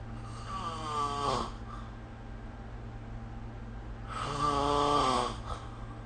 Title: 🐽 Snoring Sleep Sound / いびきの音